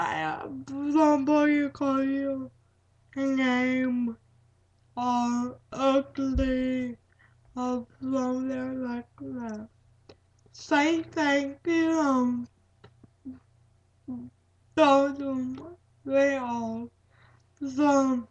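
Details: Speaker with cerebral palsy; broken, hard-to-recognize words and repetitions; dysarthric speech in cerebral palsy.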